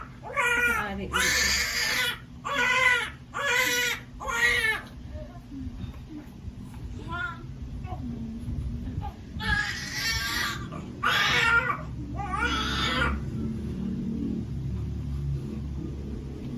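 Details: Loud, repeated newborn cries in short bursts with pauses, over room noise and faint adult voices, just after a normal vaginal delivery; a normal vigorous cry at birth.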